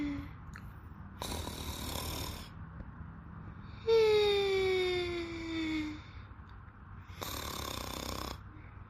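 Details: Two sleepers snoring: loud, rough snoring breaths in a quiet room, one with a whistling, falling tone.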